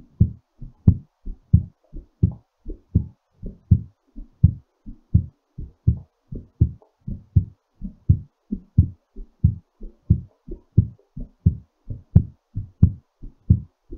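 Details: Strong, regular low thumps at about 90 beats per minute, slowing as the body recovers after exercise; normal heartbeat.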